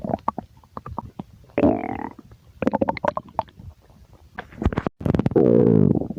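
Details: Hungry person's stomach growling and gurgling: borborygmi.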